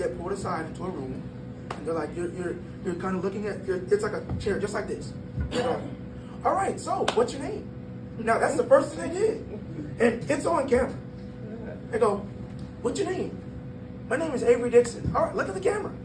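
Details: 22-year-old man born prematurely at about one pound, whose vocal cords still don't close all the way; breathy voice from incomplete vocal fold closure.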